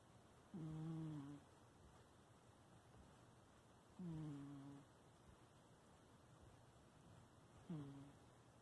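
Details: Sleeping pet cat (female) snoring.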